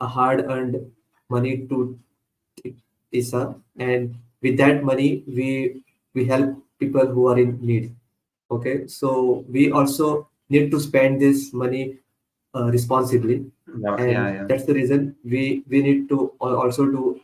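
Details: Man who stutters, speaking spontaneously as a podcast host, with repeated phrases; stuttering.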